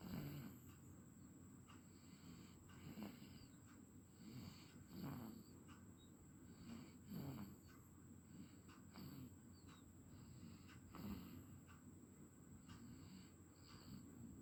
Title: #00003#SnorinG tiME🕥